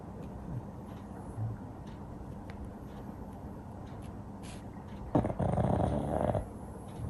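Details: Pug sleeping in nap mode, snoring and twitching as if dreaming; dog snoring.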